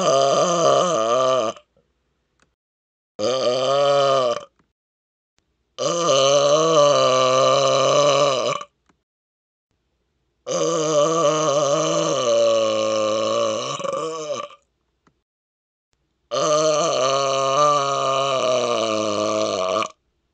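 Five long, loud, deep burps separated by short silences; forceful voluntary belching.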